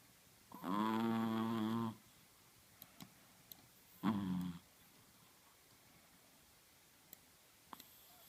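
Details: Sleeping Chihuahua: two rattling, buzzy snores, one long and one shorter, separated by quiet breathing with faint clicks; snoring.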